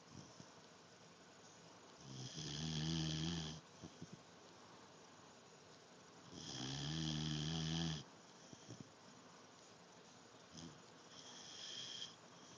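Loud rumbling snores on breathing in, about 13 a minute, with quiet gaps between; ordinary snoring.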